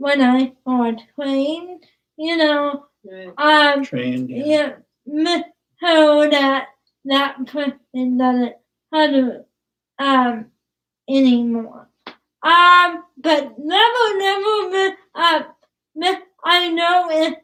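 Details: Dysarthria from cerebral palsy in a young woman about to turn 20 who has trouble with plosives such as p and b.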